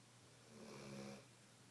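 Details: A single low, rattling snore on one breath, rising and fading over about a second against quiet room noise, in a snoring contest.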